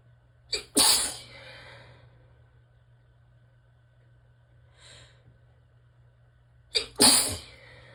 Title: Relaxed sneezes pt. 2 - finally got pt. 1’s tickle unstuck!